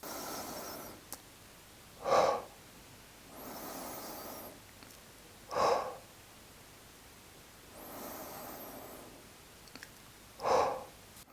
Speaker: to progress take a larger breath in aiming for a mid-range breath followed by small breaths out repeat two to three times